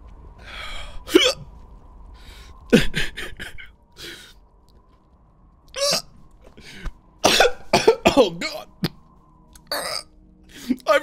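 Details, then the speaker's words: Hiccups triggered right after eating extremely hot Carolina Reaper corn chips: repeated abrupt, gulping vocal bursts with audible catches in the throat, over a faint steady hum. "holy cow too hot yep there's the hiccups"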